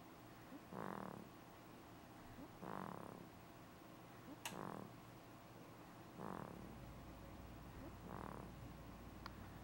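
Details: Soft, rough snoring sounds repeating at about 33 a minute with steady room hum behind; snoring.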